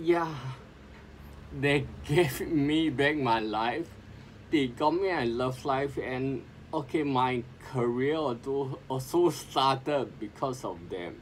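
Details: Adult man with sporadic spinocerebellar ataxia since 2002, speaking as self-directed speech therapy; ataxic dysarthria.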